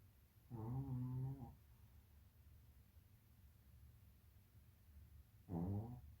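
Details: Sleeping dog snoring very loudly: deep, rumbling snores with long, loud inhalations about five seconds apart and quiet pauses between.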